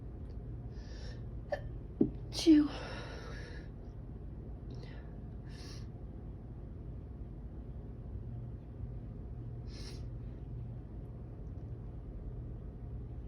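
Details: Sneezing fit with attempts to stifle it: a sharp gasp, then a sudden loud sneeze burst, followed by a few faint breaths in a quiet room.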